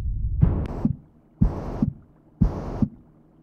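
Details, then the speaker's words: Simulated ventricular septal defect heard at the left ventricle in a binaural virtual heart: beat near 60 per minute, with a harsh murmur from blood flowing through the hole, filling each gap between first and second sounds. "let's go to the left ventricle so you can hear the lab the dub and the murmur that is caused by the hole in the heart"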